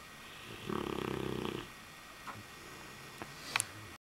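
One rattling, fluttering snore lasting about a second on an in-breath, followed by quiet breathing with faint room noise.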